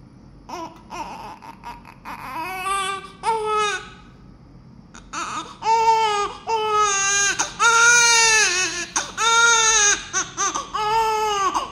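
Strong, rhythmic newborn crying in repeated wails, building in loudness, heard shortly after birth.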